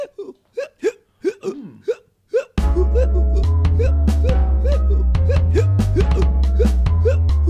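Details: Person (a friend) with hiccups as others try to help: about eight short, sharp voiced hiccups in quick succession, then loud music with a heavy beat takes over.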